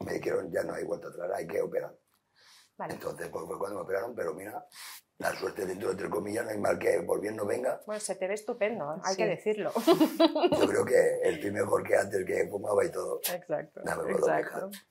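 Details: Adult man after total laryngectomy, speaking Spanish with a voice prosthesis; tracheoesophageal speech.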